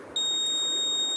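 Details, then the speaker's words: Steady high-pitched electronic buzz starting abruptly and lasting about 10 seconds: a student-built Med-Assist pill-box medication reminder for elderly people sounding at its set 10:30 alarm time, with LEDs lighting the boxes to take. "The buzzer rings for 10 seconds and the LED will glow for न minute"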